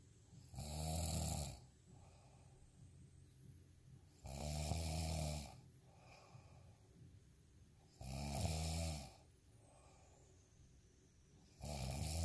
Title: snoring asmr sound 10